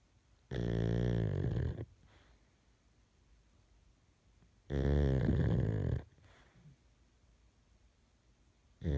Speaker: That is my pug snoring in the middle of the night.